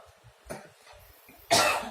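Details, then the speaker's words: Older woman coughing for about seven months, lungs described as somewhat "dirty" during a traditional healing session: two dry, unproductive coughs, a persistent dry cough. "Sampean batuke wis suwe, Bu. Limpun katu pitung wulan. Pitung wulan."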